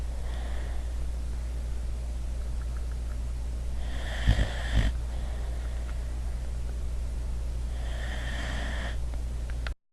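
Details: Boxer dog asleep on a couch after a long day of running and playing: soft raspy breaths about four seconds apart with a short snort, over a low hum; snoring.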